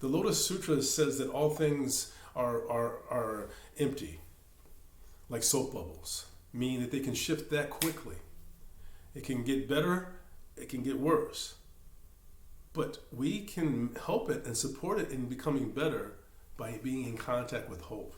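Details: Stuttering in a man who says of himself that he stammers.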